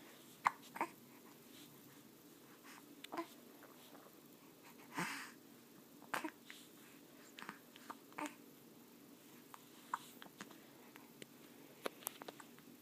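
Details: 4-week-old infant: small, sharp catches of breath every second or two, about eight in thirteen seconds, over quiet room noise; hiccups.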